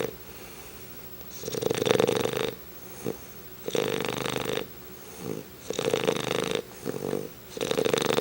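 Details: English Bulldog snoring, reportedly louder than his owner and growing in volume and intensity daily: loud, regular rattling snores, about 15 breaths a minute, with buzzing vibration on the in-breath.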